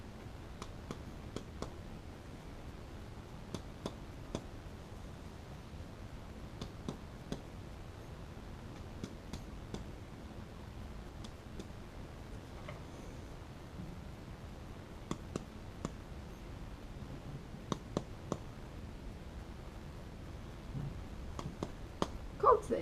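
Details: Percussion over the back of the chest of an adult male in a respiratory OSCE by a paramedic student: soft repeated taps giving a normal resonant note, reported as all normal.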